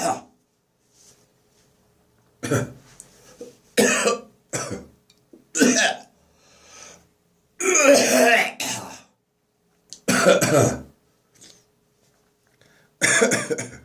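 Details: Dry post-bronchitis morning cough with phlegm nearly gone but cough lingering: repeated harsh single dry coughs and short bursts with throat clearing, about eight episodes in fourteen seconds.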